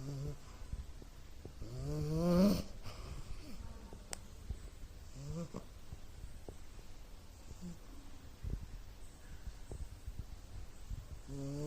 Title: Hey I Am going to catch some zzzzss...#snoring#puppy😂🤔🤓🌃